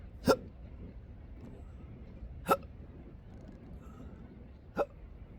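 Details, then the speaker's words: Intractable hiccups since December 2015, with choking spasms, burps and developing achalasia, recorded outdoors at sunrise on the coast: three abrupt hiccups about two seconds apart over quiet outdoor background noise, in a bout that began just before recording. "So these just started just before I set up the camera for this."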